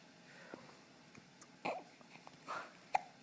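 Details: Infant with hiccups just after being fed and burped: quiet, brief, sharp catches about a second apart in a quiet room.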